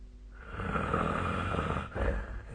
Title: 🐽 本日のイビキ / Snoring Sleep Sound 2025/02/27